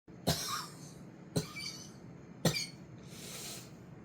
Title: 설사 등으로 괴롭히던 악영이 기침 등으로 반응하다